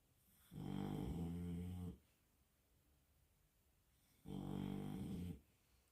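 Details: Two loud, rattling, low snores on in-breaths about four seconds apart in a quiet room from a French bulldog; snoring typical of a flat-faced dog.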